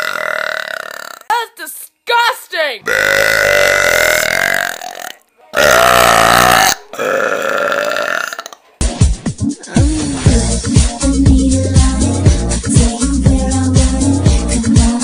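Several long, loud, drawn-out burps, followed by music with talking over it; deliberate belching.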